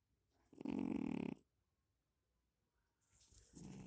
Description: how can cats sound like this...?